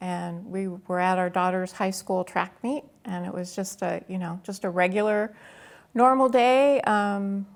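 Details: Adult woman speaking; Normal speech.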